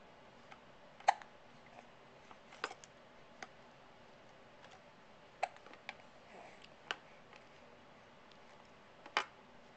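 Brief, abrupt hiccup sounds recurring at irregular intervals, about six in ten seconds, in a quiet room.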